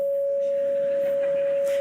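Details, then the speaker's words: Simulated asystole flatline tone: a steady, unbroken single-pitch note imitating a heart monitor when the heart is flatlined, played live as a demonstration rather than recorded from a patient. "because when's the last time you heard that noise that's the sound of a heart monitor when the heart is flatlined"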